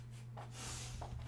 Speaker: oh sorry oh my god sorry i don't know if you guys can hear them the hiccups